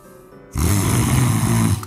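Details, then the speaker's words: Sleep sound recorded with a smartphone snoring app: after a quiet half-second, a loud, low rumbling snore through one long inhalation with steady airflow; loud snoring while still breathing well, without blocked breathing. "It needs to be the standard to see if you can breath well So there are people who make loud noises"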